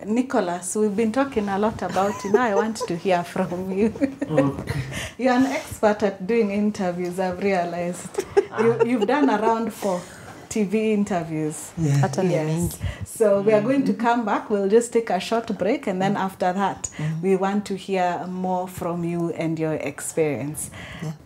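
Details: Adult woman, interview host; typical speech.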